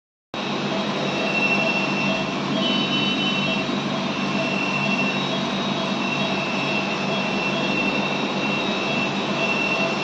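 Steady, loud rushing hiss with faint high tones throughout, the continuous airflow of a newborn's CPAP machine.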